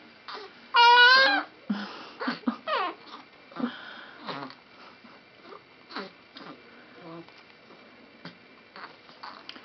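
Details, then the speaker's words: Brief high cry then fussing whimpers from a premature twin girl, 3 months old, 2 days past due date (corrected age), on low-flow oxygen with a pulse oximeter; crabby, wanting a pacifier. "boy these girls need pacifiers get crabby they were awake and want to play and now they"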